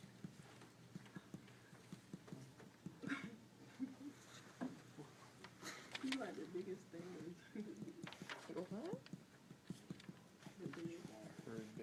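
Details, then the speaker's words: Chest percussion moving downward until the note changes, diaphragm level about four to eight centimeters, eight to twelve on the other side: percussion note change from resonance to dullness at the diaphragm. "so we're gonna percuss down till I hear this sound and over here it's like eight to 12 centimeters down"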